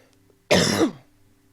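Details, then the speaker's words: Adult man on a live stream gives a single loud, harsh cough close to the microphone; he says he is not sick, had a negative COVID test a couple of weeks earlier, and that coffee isn't helping. "hold on hold on i gotta stop coughing i can't i j the coffee is not helping guys i don't want water i'm not sick i'm not sick i swear"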